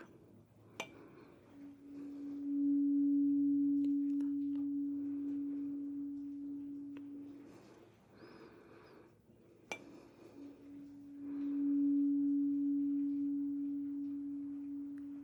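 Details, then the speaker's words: Two sustained low pure tones from a struck 256 Hz tuning fork, each fading slowly, with soft handling noise, during a simulated ASMR roleplay cranial nerve 8 hearing test. "We're already familiar with this one. This is our 256 hertz fork."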